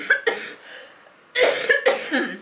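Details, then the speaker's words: Adult who is very sick, with aching ribs, gives two brief clusters of harsh coughs, about six bursts, with nothing coming up and recurring every couple of minutes: a dry, nonproductive cough. "that's not actually how it goes how bad it is it doesn't come up nothing comes up"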